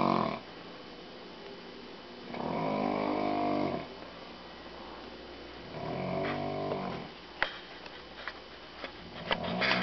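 Loud, rattling snores with long inhaled bursts every few seconds, heard over quiet room noise; snoring.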